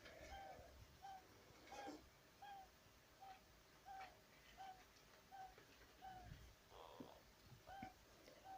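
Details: 2-month-old hamster pup snoring while asleep: soft, regular squeaky peeps with each breath, about 80 a minute, over room noise.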